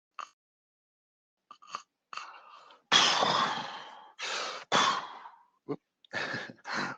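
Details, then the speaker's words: Imitated breathing of a severe obstructive sleep apnea case as a bed partner hears it: normal breathing, a silent pause, strained gasps struggling for air, then loud heavy recovery breaths; snoring is commonly associated. "So there's normal breathing, then a period where you can literally hear the person struggling for air, and then a lot of activity and a lot of rebreathing. Quite commonly, snoring would be associated with something like this."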